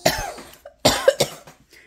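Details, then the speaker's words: Two or three harsh coughs in quick succession in a quiet room, from an adult mother recovering from pneumonia after a week of body aches, sore throat and congestion. "recovering from pneumonia. It sucks."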